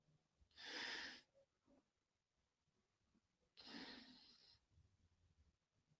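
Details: Woman snoring in her sleep: two harsh, rattling breath sounds a few seconds apart with quiet between them.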